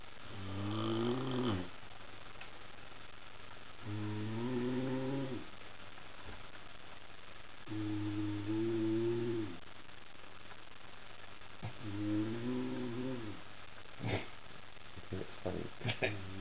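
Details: A male snoring while asleep, with low rumbling, humming snores about every four seconds and faint clicks and rustles; the audio quality is poor.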